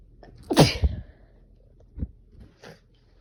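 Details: Itchy sneezing: one forceful sneeze after a sharp breath in, followed by a sniff and a softer breath out.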